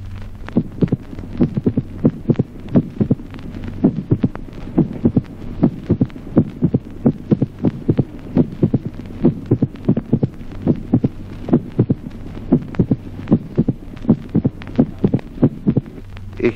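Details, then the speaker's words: Mitral opening snap with a long interval in slow atrial fibrillation: irregular heart sounds with an extra sharp early diastolic click well after the second sound (example 16 of a normal and pathological heart sounds series). "ejemplo 16 chasquido de apertura mitral de Gran intervalo en la fibrilación lenta"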